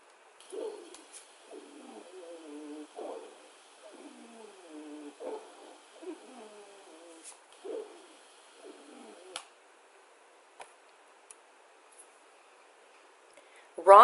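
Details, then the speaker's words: Stethoscope auscultation: repeated musical, whistling breath sounds with falling pitch, wheezes from narrowed or obstructed airways as in asthma or emphysema. "Wheezes are high-pitched whistling sounds that occur when the airway is narrowed or obstructed and is heard in patients with asthma or emphysema."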